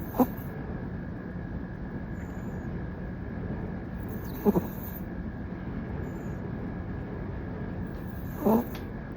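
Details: Sleeping toy poodle, just home from grooming and extra tired, gives three brief, soft snoring snorts about four seconds apart over steady room hiss: snoring.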